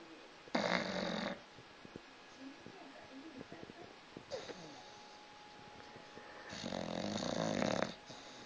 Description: Had to capture this, because its what i have to put up with whilst trying to watch tv. My dog is worse than a human being at snoring.